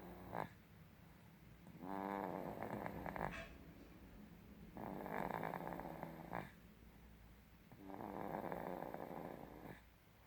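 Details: Three slow, rattling snores, each one to two seconds long, separated by quiet pauses in a quiet room; snoring.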